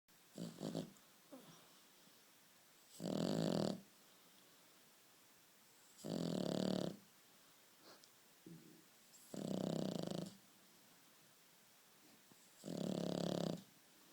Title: Amazing dog snoring